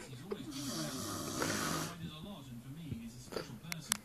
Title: The worlds worst offender for snoring